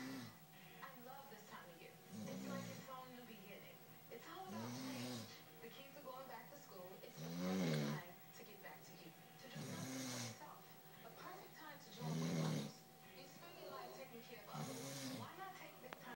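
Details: Roommate snoring loudly and persistently while asleep: regular low, fluttering snores about 13 a minute, with a television playing in the background.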